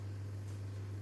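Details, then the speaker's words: Training lab demonstration of tracheal secretion aspiration: suction machine running as the catheter is inserted and withdrawn with a rotating motion, pressure released intermittently to avoid mucosal injury; oxygen reconnected afterward. "introducimos Y empezamos a aspirar aspiramos en contenido en sistema rotatorio vamos soltando cada cierto tiempo la presión"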